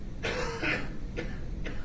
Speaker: There's a court cougher, as you can hear. Always a court cougher.